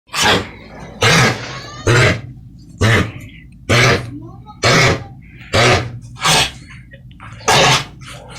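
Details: Dog with kennel cough: repeated loud, harsh, honking coughs, about nine in eight seconds, each a dry forceful burst.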